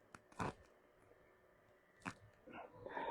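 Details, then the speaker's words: Two sharp cracking pops about 1.5 s apart during hilot bone-setting manipulation of the back of a woman lying down, told to relax. She has back, elbow and knee pain. Many cracks are said to mean pain. Joint cavitation during spinal manipulation. "Pag maraming lagutok, ibig sabihin masakit."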